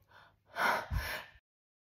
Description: Damn that flour was tickly and itchy inside of my big nostrils 😱🤧